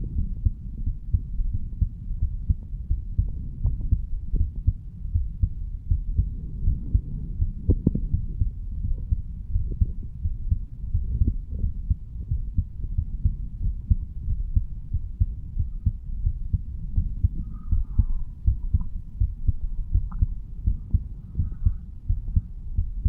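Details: Normal heart sounds of a 35-year-old man standing, self-recorded over the mitral area: repeated low heartbeat thumps with a steady low rumbling noise.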